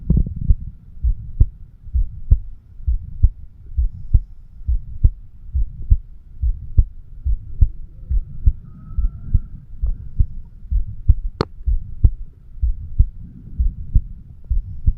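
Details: A 36-year-old male's own heartbeat, recorded with a homemade microphone stethoscope over the bicuspid (mitral) valve area. Steady low lub-dub at about 66 per minute over a faint hum; normal heart sounds.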